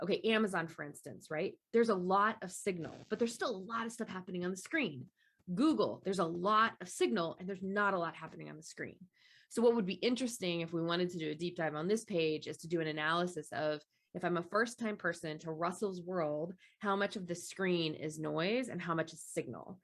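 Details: Adult speaker; Normal speech.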